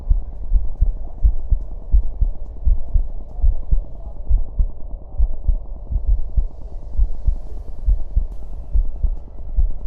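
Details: Heart sounds recorded with a wireless smart stethoscope prototype: regular, low, muffled heartbeats at about 67 a minute.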